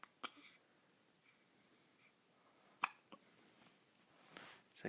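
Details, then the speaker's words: A baby girl with hiccups, not eased by burping, rubbing or patting: several short, sharp gulping sounds spaced irregularly in a quiet room, typical of hiccups. "like maybe when I'm done hiccuping, Dad. For now, I'm just figuring out what these hiccups are."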